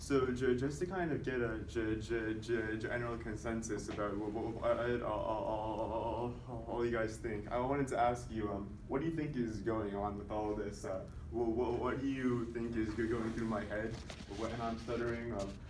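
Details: Male speaker who stutters deliberately producing voluntary (fake) stuttering during a presentation on stuttering, counting his stutters with a tally counter to track progress; voluntary stuttering.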